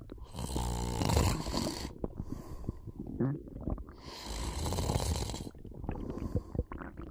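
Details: Person snoring during a short nap, with stomach sounds noted: two loud, rattling breaths in about seven seconds with softer breathing between; snoring.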